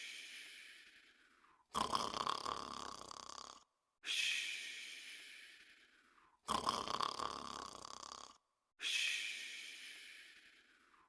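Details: Person asleep and snoring softly: regular, breathy, rasping in- and out-breaths, about 13 cycles a minute, with brief silences between.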